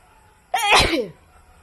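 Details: Woman sneezing: a single abrupt sneeze, a brief voiced intake then a forceful hissing burst, in a quiet room.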